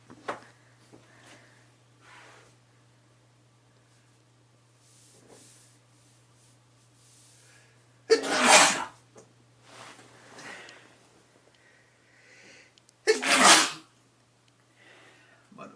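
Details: A man sneezing messily into his hands: two loud explosive sneezes, each preceded by a quick catching breath, with soft sniffing and breathing between them in a quiet room.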